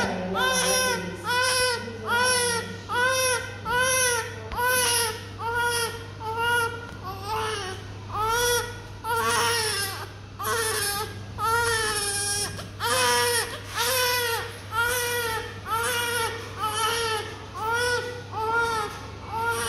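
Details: Newborn baby, described as very healthy and chubby, with eyes not yet opened: strong, rhythmic crying, about one cry a second, over low room hum; a vigorous, healthy newborn cry.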